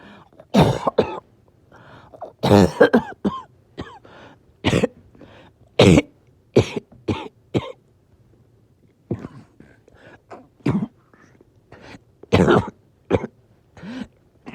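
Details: Evening coughing fit: long run of repeated forceful coughs with gasping breaths between, labored breathing; oxygen levels had been good all day before sudden difficulty breathing.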